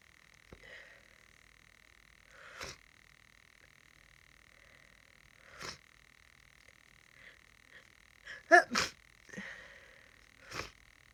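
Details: Several short sneezes and sniffing over a steady background hum, with one louder sneeze burst, in a person sick with a cold; sneezing fits.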